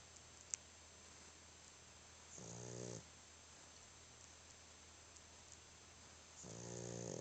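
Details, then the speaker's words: Snoring in a very tired sleeping dog, drooling: two buzzing, vibrating snores about four seconds apart over a steady background hum. "Dang. Stop all that snoring. You drooling."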